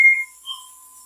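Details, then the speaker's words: Short high beep then a softer two-tone chime as a high flow nasal cannula (HFNC) oxygen therapy machine is long-pressed on after connection; normal device power-on sound. "Long press is on. Now after all the connections, we will switch on the equipment for this equipment."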